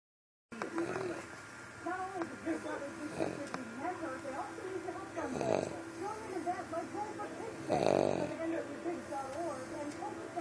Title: Funny Snoring Dog